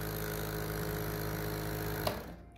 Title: Omron Nebulizer How to use. Omron Nebulizer C102 Total.